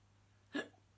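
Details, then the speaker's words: Young girl with persistent hiccups that continued despite remedies (water, sugar, cold key): a single short, sharp child's hiccup over a steady low hum. "Oh, she's still hiccuping. I don't know if they'll ever go away."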